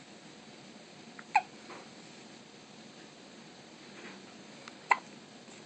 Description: 2 days old in the nicu with a case of the hiccups